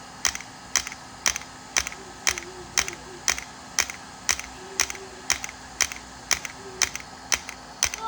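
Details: Sharp regular clicks about once a second: integrative shockwave therapy at 3 Hz/90 mJ, 1,000 shocks, to the back of the knee (popliteal area) for posterior knee pain.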